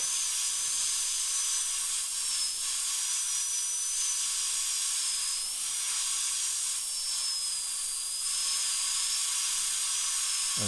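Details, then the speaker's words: Steady high-pitched whine of a high-speed dental drill slowly removing a large amalgam filling down to the white liner in upper second molar (tooth #2) under rubber dam for a crown; pitch dipping slightly, faint room noise. "so basically this is just an exercise and just going nice and slow and uh if you see a liner you can just take it right down to that liner"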